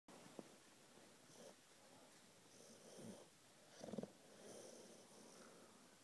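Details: Sleeping bulldog snoring.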